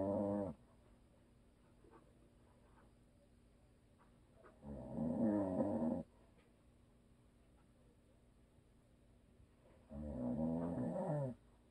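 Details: Habitual snoring from a husband asleep who "snores and always will", recorded for ASMR: deep, buzzing inspiratory snores about every five seconds, quiet gaps between, faint steady room hum.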